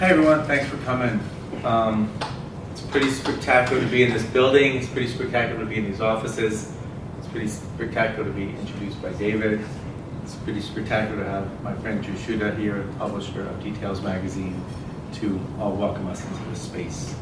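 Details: Adult man speaking to an audience; typical speech.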